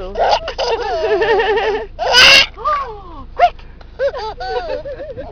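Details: Baby laughing and squealing during a car ride, broken by a sudden sharp burst consistent with a hiccup; a baby laughing with hiccups.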